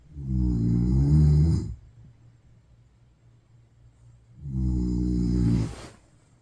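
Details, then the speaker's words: Very loud snoring from a sleeping adult man whose sleep study showed about 70 apnoeas per hour, recorded before starting CPAP; snoring loud enough to get through noise-cancelling headphones. "남자친구가 알고 보니까 코골이가 진짜 너무 심한 거예요. 어느 정도냐면요. 한번 들어보세요."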